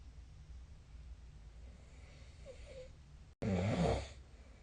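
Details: Loud, rough, low snoring breath during sleep after quiet room hum.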